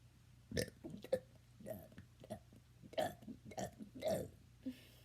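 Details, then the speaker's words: Deliberate rapid burping attempt: a quick run of about seven short, voiced belches within three seconds, done on purpose. "So today I'm going to attempt to do 5 burps in 3 seconds. That was 8. But 5 burps in 3 seconds."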